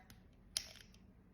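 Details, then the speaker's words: Pulmicort (budesonide) dry powder inhaler technique demonstration for asthma or COPD: base twisted one way, then back in the opposite direction, giving one sharp small click showing a dose is loaded. "But you twist it in opposite direction. You heard that tick that click."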